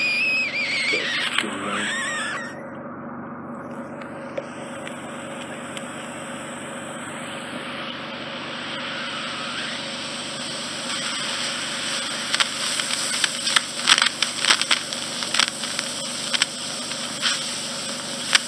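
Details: Endoscopic ear wax suction in a regular adult male client who needs removal every 4–5 months: continuous hissing suction with intermittent squeals and gurgling crackles as soft, near-liquid wax is drawn through the tube; temporary threshold shift observed.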